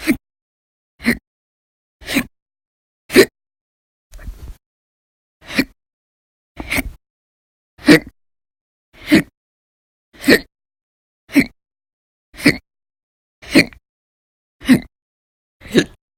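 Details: Fourteen sharp, abrupt hiccups in about 16 seconds, roughly one a second, in a quiet room. Violent, very loud persistent hiccups from episodes lasting hours each, recorded 11/1/19 to 11/20/19.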